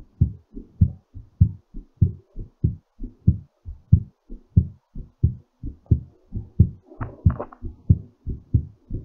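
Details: Normal heartbeat still slightly fast while recovering after exercise: strong, regular low heart thumps at about 90 a minute.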